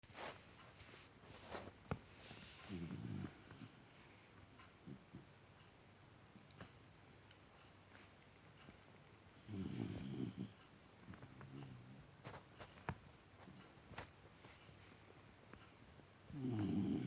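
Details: About a minute of low, rumbling snores recurring irregularly, roughly nine per minute, with clicks and faint room noise between them; snoring.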